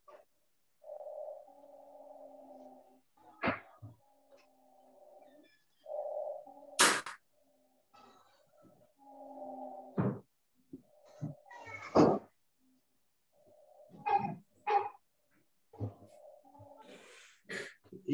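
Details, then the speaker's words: Recorded chest audio of a boy being evaluated for chronic or recurrent pneumonia, muffled and not very clear: inspiration shorter than expiration, suggesting chronic airflow obstruction, with long musical out-breaths; prolonged expiratory phase with wheeze. "i hope you heard that the the the sound when he breathes in is shorter than the sound when he breathes out and that suggests that there's chronic airflow obstruction and i hope you could hear that there's a quality of that expiratory phase that sounded like wheeze"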